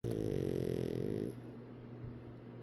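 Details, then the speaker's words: Snoring in a pug: a loud, rattling, rumbling breath lasting over a second, then quieter breathing. "How do you snore with your eyes open?"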